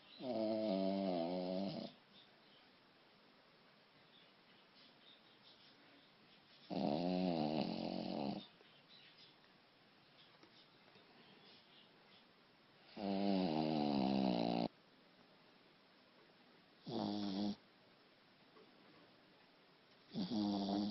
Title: Little Shih Tzu Snores